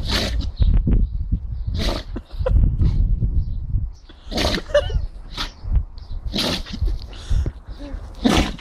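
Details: Several short, forceful nasal sneezes separated by snuffling breaths from a dog with a cold.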